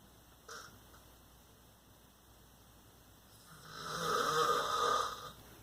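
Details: Adult man (a father) asleep at night in a dark room: a single loud, rough snoring breath builds and fades in a quiet room; snoring.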